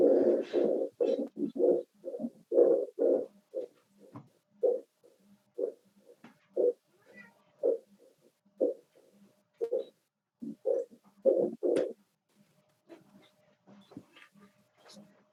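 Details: Teaching recording for a lecture on aortic stenosis and regurgitation: heartbeat near 60/min with a soft blowing decrescendo diastolic murmur after the second sound, heard at the aortic focus, typical of aortic regurgitation.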